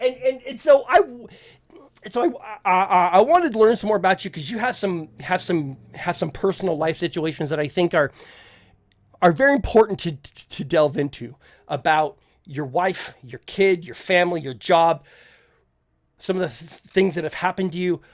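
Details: Adult male podcast host who says he stutters, with listeners in voice chat often asking him to repeat himself; stuttering.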